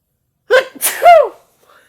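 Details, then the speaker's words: Single loud sneeze out of nowhere, a quick breath in then sharp forceful burst of air and voice, in a person with nasal congestion taking allergy medication, during nose blowing. "sometimes i sneeze out of nowhere that was so good"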